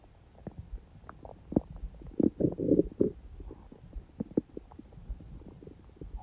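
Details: Quiet stomach sounds recorded on a day with a smoothie breakfast and salad, little hunger growling: irregular soft gurgles and brief pops with a louder rumbling run in the middle; ordinary digestive bowel sounds.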